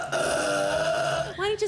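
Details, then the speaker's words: Burping in a TV comedy sketch at a bachelorette party after a champagne toast: a sustained, loud voiced belch lasting over a second with a rising tail, called gross and the worst sound. "slow down on the champag a little it's not cute it's kind of gross who invited the burping queen anyways"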